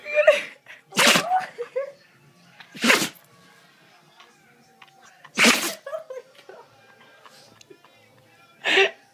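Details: Pet animal sneezing repeatedly: four sharp, explosive sneezes at irregular intervals, with faint background music between them.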